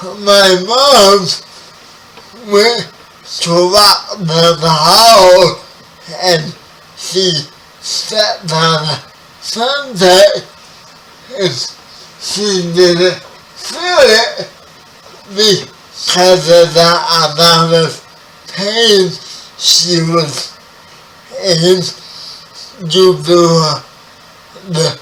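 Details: 30-year-old man with spastic quadriplegic cerebral palsy, born 11 weeks premature; his speech is affected by the condition. Dysarthria (cerebral palsy).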